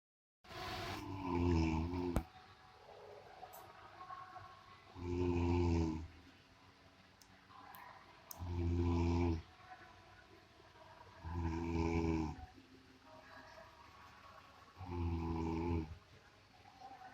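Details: Sleeping person snoring loudly, likened to a buffalo: rattling snores on each breath in, about 17 a minute, with quiet breaths out between.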